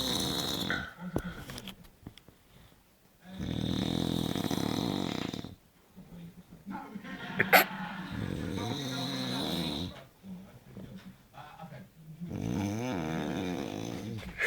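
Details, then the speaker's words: A man sleeping gives loud, rough snores on each breath, about 5 to 6 in the clip, with quieter exhalations between; heavy snoring. "Listen to that cunt snore. That's terrible. Fucking hell."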